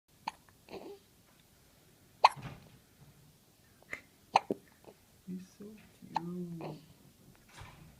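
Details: Newborn boy on his first night after birth has hiccups: abrupt little catches, about 28 a minute and somewhat irregular, mixed with soft baby vocal sounds.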